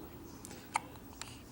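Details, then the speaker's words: Two brief, soft, abrupt catches about half a second apart over quiet room noise, as a father talks to the hiccuping child he calls buddy; hiccups. "you've got the hiccups you have anything to say for yourself that's about it huh just a little hiccup here hiccup there hiccup hiccup everywhere"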